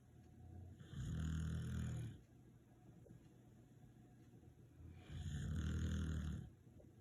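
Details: Two deep, rattling snores about four seconds apart with quiet pauses between, from someone sleeping; regular snoring.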